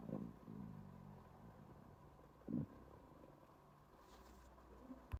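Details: Empty stomach during a 36-hour fast: low gurgling rumbles, ordinary hunger borborygmi.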